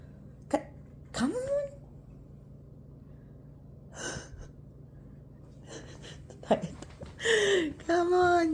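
A few short, sharp nasal bursts from a dog between quiet gaps, with a woman's voice at the end; sneezing.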